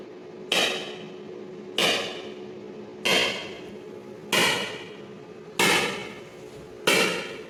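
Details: ESWL lithotripsy of a patient's left kidney stone, focused under C-arm, water-filled membrane coupling: sharp, regular knocking pulses about 47 a minute, each fading quickly; shock waves breaking up the stone.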